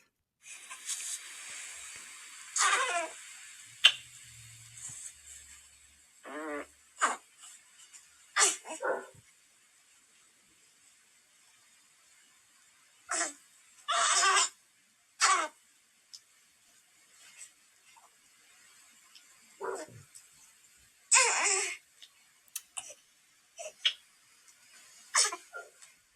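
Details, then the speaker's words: Newborn girl asleep in the middle of the night, recorded by her pediatrician parent: repeated short grunts and moans that sound distressed though she is definitely asleep, a normal newborn sleep grunting phase. "we'd hear that through the night and the funny thing was when I looked at her she was asleep she actually sounded in distress but was definitely sle"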